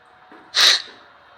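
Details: A single sharp, hissing sneeze with a brief in-breath before it, from a person said to have an allergy; sneezing.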